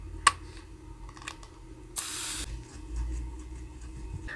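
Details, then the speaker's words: HydraSense congestion-relief nasal spray used by a person sick with COVID-19 and nasal congestion: a click, then a short half-second hiss of the spray pump in a quiet room. "one spray of HydraSense Nighttime Congestion Eucalyptus in each nostril at night by depressing the nostril for 1 second, followed by blowing off the nose for desired relief."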